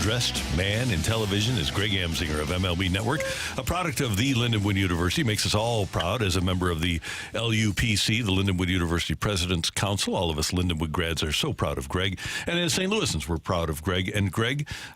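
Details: Adult male speaker; normal voice.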